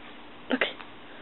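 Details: Female dog sneezing on verbal command as a trick: a single short, sharp snorting burst; a sneeze.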